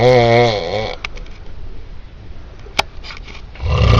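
Loud, low, buzzing, vibrating breath sounds on two breaths, with quieter snuffling between; snoring.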